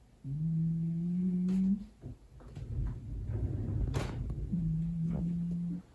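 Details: Loud, low, droning snores with rough, noisy breathing between them from a sleeping, very overweight 9 kg rescue cat; snoring.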